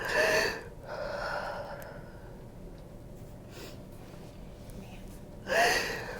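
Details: During a fascia healing session, a woman lying on her side takes two sharp, noisy intakes of breath, with quiet room noise between: gasping.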